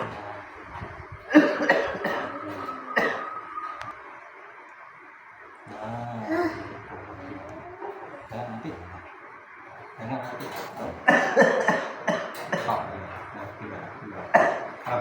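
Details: Repeated harsh coughs between quieter stretches, with voices in the background: a persistent cough that will not heal, attributed to throat nerves.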